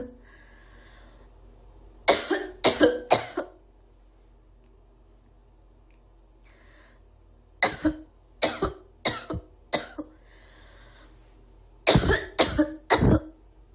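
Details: Three clusters of sharp coughs, about ten bursts in all, with quiet pauses between them; an adult woman coughing in a quiet room.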